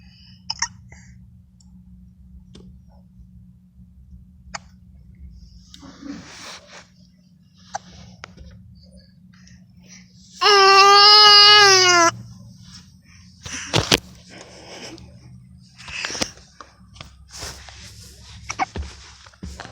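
Soft, sharp hiccup clicks every few seconds, with one brief high-pitched squealing cry in a quiet room.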